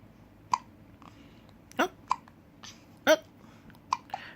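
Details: Small, sudden hiccups at uneven intervals from a 3-week-old baby, which happen every time after drinking milk; harmless infant hiccups.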